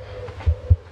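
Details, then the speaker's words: Border collie's heartbeat, recorded with an iPhone's bottom microphone pressed against the chest under the front leg, fur wetted with water for contact, then played back through a heartbeat app: two soft, low thumps under a faint hum; normal heartbeat. "if i uh press play it will play back everything it'll leave me talking at the start of it and uh then you'll be able to hear dog's heartbeat that's quite cool"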